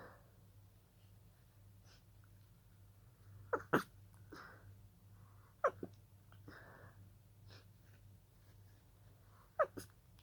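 Three quiet, breathy, held-back sneezes with soft breaths between them in a quiet room; a run of stifled sneezes.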